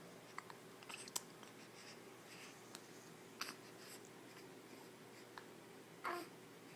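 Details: Hiccups in an infant in the morning, which reliably come after every feeding: soft, sharp hiccup clicks every second or two in a quiet room.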